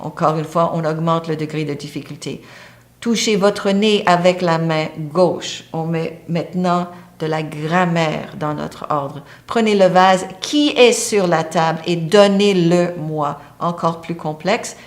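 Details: Adult speaker; ordinary speech.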